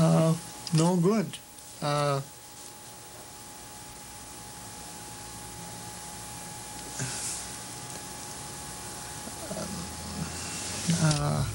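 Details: Broca's aphasia with non-fluent, halting speech in a male patient.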